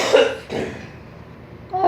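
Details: Voluntary cough: a child gives two short, forced cough bursts, a deliberate fake cough rather than an illness cough.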